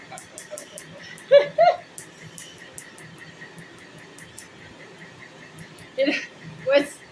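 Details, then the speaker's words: Steady quiet ticking of an Nd:YAG laser with several sharper snaps during partial laser tattoo removal on a man to lighten it for a cover-up; the popping means pulses are hitting tattoo ink. "Because it's just steam. And when we hear the loud popping noise, we know it's hitting."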